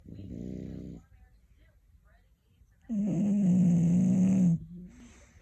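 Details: Snoring: loud, rough, drawn-out breath noises with a buzzing tone, separated by a quiet pause.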